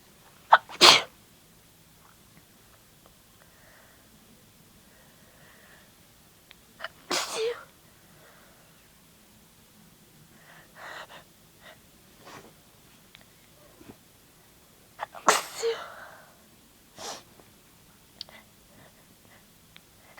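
Three sharp, explosive sneezes with quiet breathing and small sounds between them, in a quiet room.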